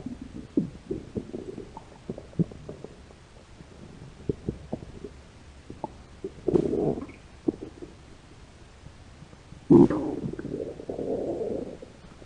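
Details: Stomach growling (borborygmi) from hunger in a hungry American woman: soft gurgles and brief rumbles, then two longer low growls.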